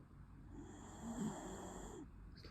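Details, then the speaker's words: Small pet dog snoring while sleeping sweetly: soft, low snoring, one drawn-out breath with a rough flutter. "храпит песик. Сладенько спит и храпит."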